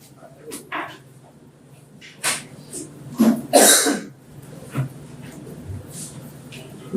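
An adult gives a brief, harsh cough between faint speech fragments, with mild room noise.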